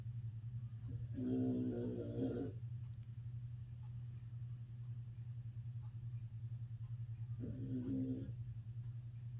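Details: A Shar Pei dog resting after surgery gives two rumbling, buzzy snores about six seconds apart over a steady low hum: snoring.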